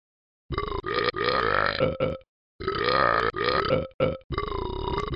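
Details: Simulated burping from the animated Talking Ben the Dog app: a run of loud, voiced, gurgling belches in quick succession, with two short pauses.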